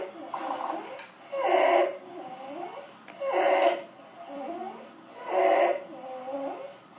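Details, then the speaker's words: Child with croup: harsh, high-pitched crowing noise mostly on each inhale, about 30 breaths a minute, quieter exhales, with visible retractions; throat swelling makes breathing hard: inspiratory stridor of croup. "okay so again it's that noise mostly on the inhale as um something some swelling in the throat that goes along with C is making it really really hard for the kid to inhale and then exhale"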